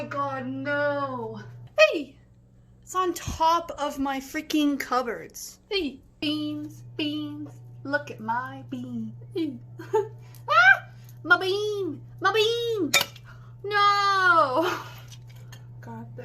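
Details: Adult woman speaking; Tourette syndrome vocal tics.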